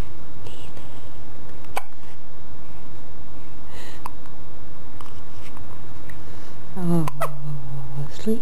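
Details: 5-day-old baby boy with hiccups: sharp, sudden little catches repeat every second or two over steady background hiss, then a brief soft infant fuss.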